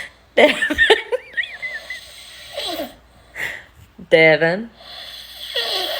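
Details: Heavy snoring during sleep: irregular bursts of rattling, snorting noise with a loud voiced snort in the middle and faint room noise between bursts.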